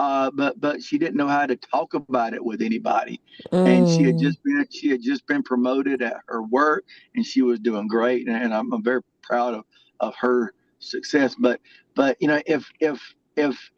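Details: Adult male with lifelong stuttering, a veteran with three tours in Iraq: stuttering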